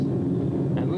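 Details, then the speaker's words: Needle EMG through a speaker while the subject squeezes the thenar eminence muscle: firing motor unit potentials building to a full-contraction interference pattern; normal voluntary EMG, demonstrated in a neurology office. "as you squeeze the muscle the small muscle of the tenor eminence you see those each one of those are called motto motor unit potential"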